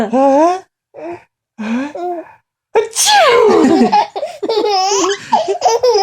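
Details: Adult man (dad) sneezing loudly while a young child giggles and laughs and asks him to do it again; a single sneeze burst.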